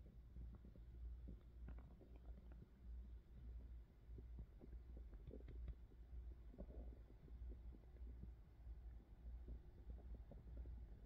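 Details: ASMR close recording of ordinary hunger and digestion sounds from a woman's belly: low, continuous gurgling and rumbling stomach growling with scattered soft pops.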